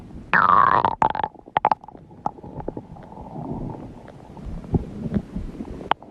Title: My stomach growling fun #52